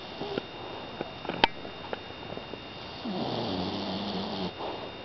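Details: A 5-month-old female pitbull puppy snoring while asleep: a soft, low, drawn-out rattling breath with a few faint clicks before it. She does this constantly and it gets pretty loud.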